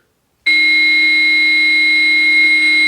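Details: Steady, high, continuous charged/shock-ready alert tone from a training AED during a simulated out-of-hospital cardiac arrest CPR skill, after the prompts "Shock advised. Charging. Everyone stand clear"; no shock is actually delivered.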